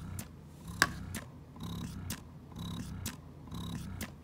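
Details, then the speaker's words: Spectra S2 electric breast pump in massage mode (cycle fixed at 70, vacuum adjustable), slightly louder than expression mode: quiet low motor hum with short clicks and rhythmic whooshing cycles. "you can however still change your vacuum level that doesn't you know go away and if you notice it's a little louder in massage mode"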